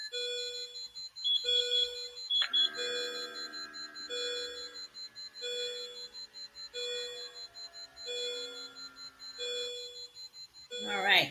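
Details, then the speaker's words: Patient monitor alarm in a simulated ACLS/PALS training scenario: repeating electronic beeps. Vitals are heart rate 200, BP 108/60 (still compensating), SpO2 92%, respiratory rate 28, temperature 98.3. "and so I'm going to pause it just so we don't have to speak past beeps"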